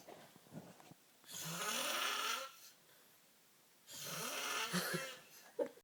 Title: Worst snore ever